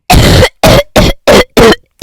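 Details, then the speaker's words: An adult with a cold deliberately gives a collection of coughs: five harsh, rough coughs in quick succession separated by brief silences, with throat clearing. "So, I have a cold, and I'm one of those people who has those interesting coughs. So, here I have made up a collection of coughs for you."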